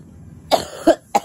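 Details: A heavily pregnant woman coughing so hard she reports bloody spotting and stiff abdominal cramps before going to a community health centre; three short harsh cough bursts in quick succession.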